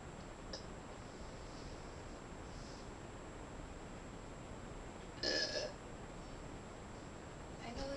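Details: Burping: one short, throaty burst over steady background hiss, a single quick burp.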